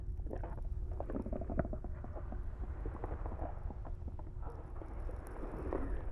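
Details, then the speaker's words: Simulated ear irrigation in an ASMR ENT role play for ears feeling clogged with wax: the device is held against the cheek for a superficial rinse, giving steady low gurgling and splashing of water close to the microphone. "So I'm going to place this right here against your cheek. Okay. And this is going to feel like a little bit of pressure, but it should not be painful. Okay."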